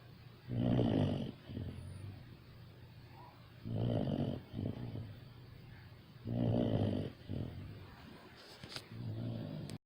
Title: Saint Bernard Snoring